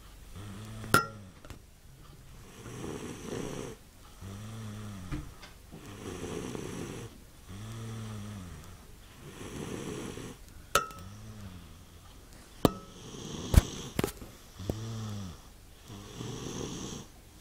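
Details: Adult man snoring: regular low, fluttering snores with each breath in and out, a steady rhythmic pattern.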